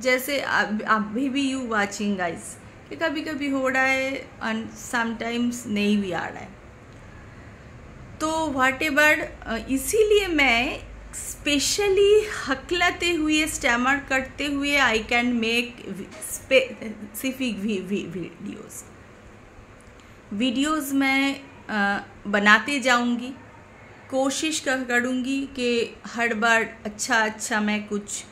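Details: Stammering in an adult woman speaking Hindi, present since childhood, intermittent, worse when tense or angry.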